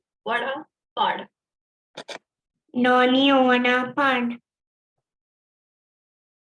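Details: Child with cleft palate, speech sample one used in a teaching module; overall speech perceived as nasal; hypernasality.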